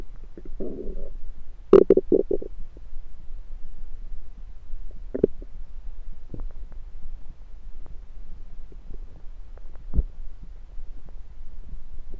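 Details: Bowel sounds (borborygmi) of a rumbling stomach recorded with a USB stethoscope: gurgling bubbly rumbles in short bursts over steady low stethoscope noise.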